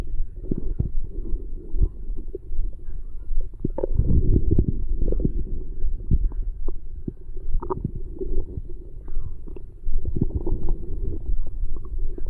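Low, irregular gurgling and rumbling with no speech, typical of stomach growling; ordinary bowel sounds after a meal.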